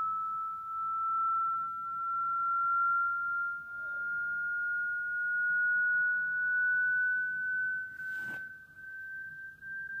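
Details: Hearing test on a dog: a steady pure tone rising slowly in pitch, with a brief click near the end.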